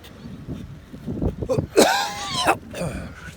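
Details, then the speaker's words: An adult man chokes on a carrot while driving, with road noise behind him. Harsh throat clearing and a brief cough with some voiced noise follow. He says it is not COVID. "Ой, морковкой подавился. Это не ковид."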